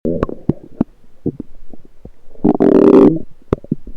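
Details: Lower intestine (lower gut) gurgling recorded with a USB electronic stethoscope: frequent short pops and bubbling gurgles with one longer gurgling rumble; active bowel sounds.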